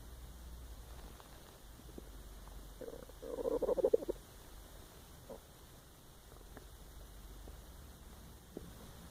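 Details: Empty stomach growling, recorded while the person was lying awake trying to sleep: a brief, low, gurgling rumble over quiet room hiss (borborygmi).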